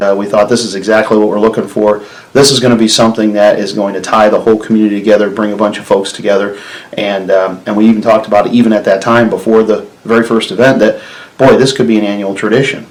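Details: Adult male speaker; normal speech.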